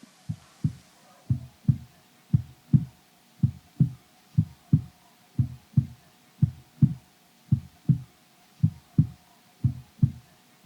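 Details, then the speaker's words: Heartbeat, described as a mother's heartbeat as heard in the womb: steady, low thumping beats in pairs, about 57 a minute, over a faint steady hum. "That beat that we use, that's our mother's heartbeat. That's the first sound that we're aware of."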